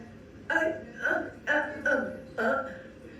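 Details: Abductor spasmodic dysphonia before treatment, with a breathy voice and air leak.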